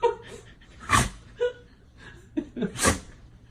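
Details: Labrador dog sneezing: two sharp nasal sneeze bursts, each preceded by short snorts and small whimpery sounds.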